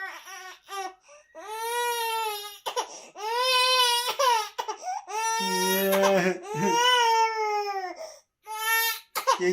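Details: Baby girl aged 18 weeks crying: repeated strong, clear wailing cries with brief breaths between, in a small room; infant cry.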